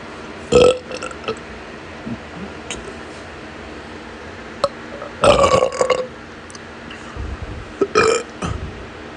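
Several loud, low, croaky burps in a row with short pauses between them, over steady room noise; repeated belching.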